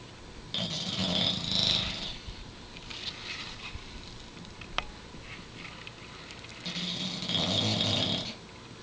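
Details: A sleeping animal snoring, often louder than this: two long, rattling, hissy snores about six seconds apart with quiet breathing between; snoring.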